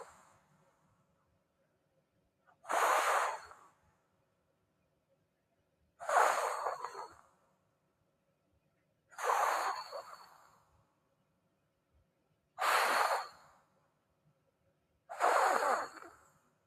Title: snoring in the house 🏡